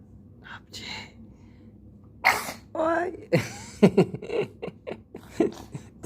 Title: My Baby’s Giant Sneeze! So Adorable!